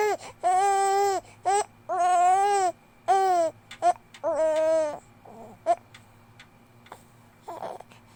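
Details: 2-month-old baby crying: rhythmic, clear wails about one a second, trailing into whimpers; ordinary infant cry.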